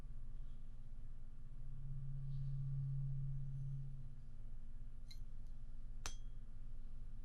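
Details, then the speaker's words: Tuning fork tone in an acted ASMR ear-clinic hearing test: a steady low hum swells and fades over a few seconds, then two light clinks, as the patient, eyes closed, reports when the noise stops and which ear hears it. "Close your eyes. Tell me when the noise stops. Okay. And tell me which ear you hear it."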